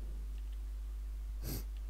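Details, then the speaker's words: Sneeze from a person recording a Minecraft gameplay video, after saying a sneeze wouldn't come; followed by sniffling. "so there you go for those wondering that is what I sound like when I sneeze why any of you would be wondering that I don't know but I thought you lot should know"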